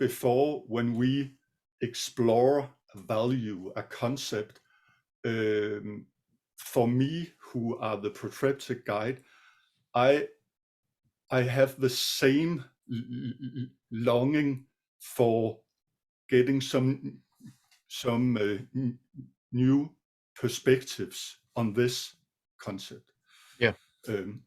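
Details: Adult male guest who says he sometimes stutters; stuttering.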